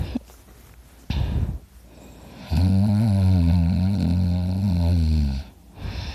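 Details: Heavy snoring, likened to a chainsaw: a loud, sustained, rattling low snore lasting about three seconds, with quieter breathing before and after.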